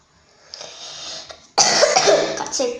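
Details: A harsh, noisy cough burst over quiet background sound, then a brief voice; the person has a cold, a weak voice and coughs a lot; described as a child's cough.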